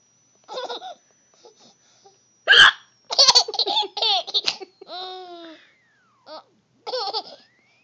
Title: Mommy's hiccups are funny